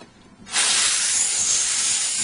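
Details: Steady loud air hiss starting abruptly from a dental air syringe drying the cavity and post spaces during a post-and-core placement demonstration, after adhesive coats are applied, before fiber post cementation with dual-cure core build-up material.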